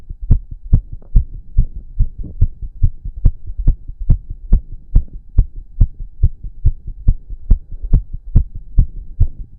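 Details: Male after exercise, with heavy breathing and stomach growls: strong, regular low heartbeats at roughly 140 a minute; fast heartbeat after exercise.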